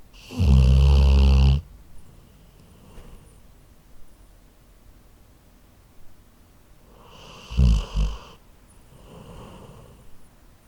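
Deep, loud rumbling snores from a sleeping dog, with quieter breaths between them.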